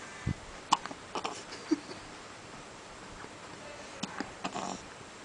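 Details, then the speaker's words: Newborn baby boy with hiccups: several brief, soft, sudden catches with quiet room noise between them, as adults suggest holding him. "We've got the hickety hiccups. You should hold him, babes."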